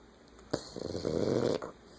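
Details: French bulldog contentedly asleep after a long day: one rough, fluttering snore lasting about a second; snoring.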